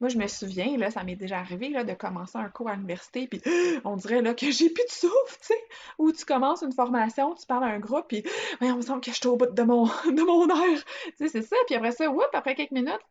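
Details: Adult woman speaking French; typical speech.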